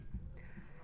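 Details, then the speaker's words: Normal resting heartbeat of a horse after overnight rest, via Littmann stethoscope: deep, soft double thump at a slow rate, 8 beats in 15 seconds (32 per minute). "so that was eight the beats in 15 seconds eight beats times four thirty two so that is extremely good but that is him totally rested overnight"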